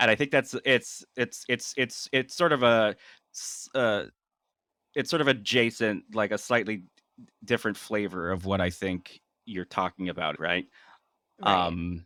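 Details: Adult man with stuttering, speaking naturally in conversation, with part-word repetitions and fillers; stuttering.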